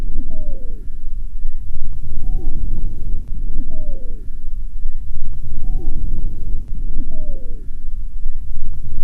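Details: Pediatric auscultation teaching recording: breathing at about 18 a minute, each breath carrying a high, falling musical whistle over a low rumbling background: wheezes.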